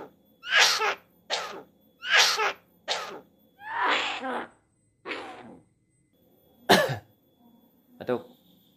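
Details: About six short, harsh, cough-like bursts in uneven rhythm from a roughly 3-year-old Javan myna (jalak kebo) imitating a human cough it was never trained to copy, likely learned from hearing people cough.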